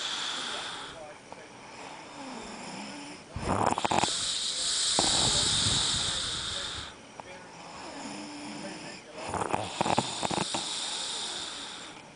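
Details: Rattling, fluttering snores on the in-breaths, with softer hissing out-breaths between them; snoring.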